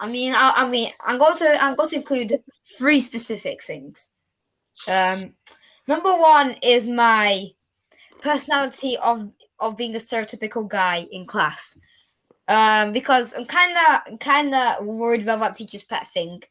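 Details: Male podcast guest who stutters and says he had a lisp while wearing braces, unable to pronounce S sounds; stuttering.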